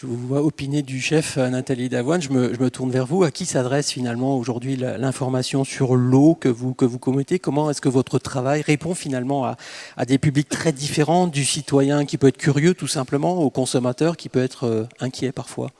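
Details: Adult male speaker (French); Normal speech.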